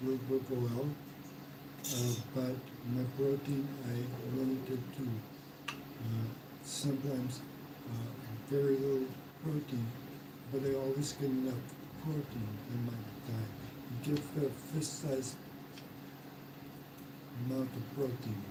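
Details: Aphasia after mild stroke in a man 115 days into self-therapy; restarts his sentence with hesitations.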